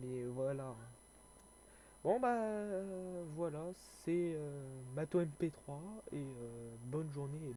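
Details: Young male French speaker who self-reports stuttering and difficulty speaking, with panic or stress from fear of mockery; stuttering.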